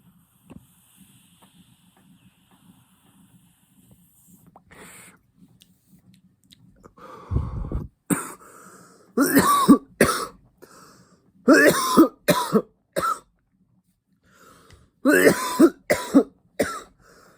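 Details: Adult coughing after taking cannabis vape blinker hits: after a quiet stretch and a sharp inhalation, about ten harsh, dry coughs in clusters.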